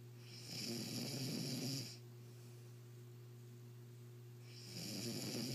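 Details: Loud rattling snore on each breath, with a steady room hum between breaths; ordinary snoring.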